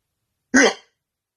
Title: hiccups in bed